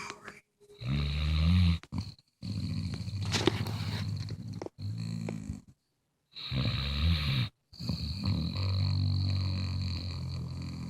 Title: Bluetick Coonhound snoring